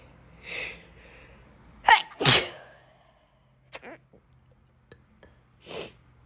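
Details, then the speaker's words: Sneezing interrupted by hiccups, which the person says hurts their stomach. A soft intake, then two sharp explosive sneezes and a later breathy burst, with small hiccup-like catches between them; the hiccup made them lose a sneeze. "Hiccuped and I lost my sneeze. It's really hard to have them together, like sneeze and hiccup."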